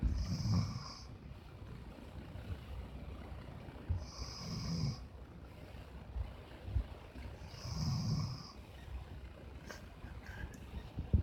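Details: German Shepherd dog asleep using a person as a pillow, snoring steadily and regularly with a soft whistle on each breath, about 16 breaths a minute.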